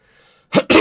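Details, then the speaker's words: Adult with a persistent bad cough: two short, harsh cough bursts in quick succession after a brief quiet stretch, faint background sound. "Oh, [clears throat] excuse me. I've got such a bloody cough."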